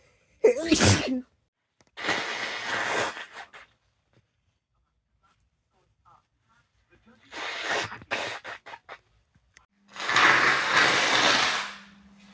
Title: Caught a cold - sneezes and blows